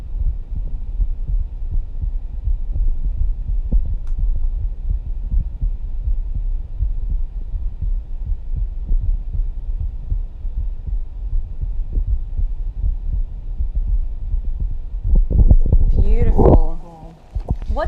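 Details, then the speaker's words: Live stethoscope recording at rest, listening at the aortic and pulmonary areas, then the tricuspid area where lub-dub is clearer: soft low thumps under steady hum, ending in handling noise; normal heart sounds. "there was an audible difference between when we were listening to the AOC at the pulmonary and then we jump down to the tricuspid you could hear the love dub really"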